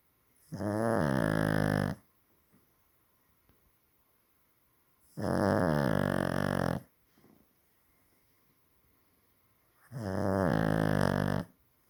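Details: Heavy snoring from a dog (Blue): three loud, drawn-out rumbling snores, each about 1.5 seconds, roughly every five seconds.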